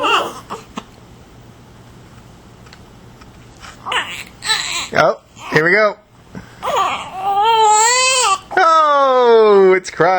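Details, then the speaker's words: Infant at feeding time: a few quiet seconds, then short fussy bursts building to sustained, wavering high-pitched hunger cries. "time why because it's feeding time who wants dinner you hungry I'll take that as a guess"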